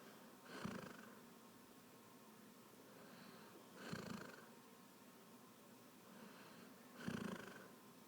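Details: Three rough, rattling snores at about 19 breaths a minute, with quiet breathing between them; snoring during sleep.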